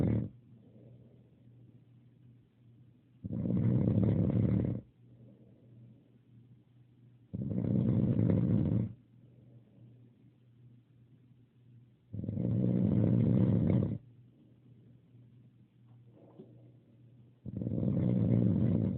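Regular deep, low rumbling snores on each breath in, about 12 breaths a minute, with soft breathing out between.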